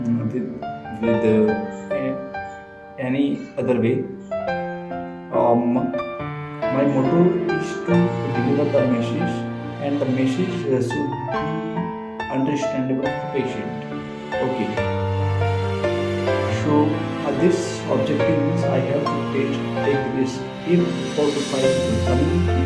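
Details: Adult man who says he stammers and accepts his stammering, speaking Hindi over background music as part of a self-managed stammering mission; stuttering.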